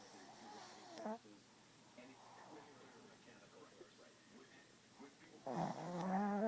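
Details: A sleeping dog in a quiet room gives a faint snort, then a loud, rattling, vibrating snore on the in-breath: snoring.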